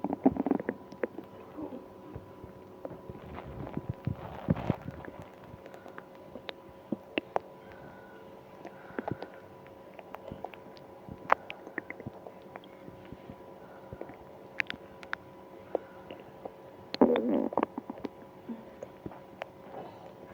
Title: Stomach pain after eating ice cream (stomach noise)